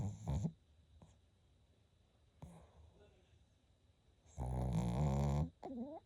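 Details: Sleeping Shih Tzu: a few loud, rough, rattling snores and snorts between quiet pauses, ending with a brief whiny sound; snoring.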